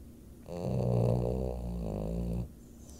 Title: BOXER Snore and whistle